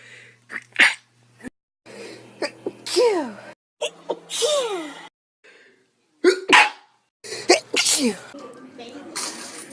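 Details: Adult sneezing about five times in a row, several with a loud voiced 'choo' falling in pitch, quick breaths between; repeated sneezing.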